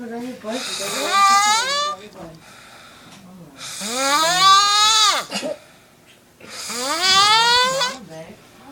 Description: Hahahaha I was bored and I heard some 1 snoring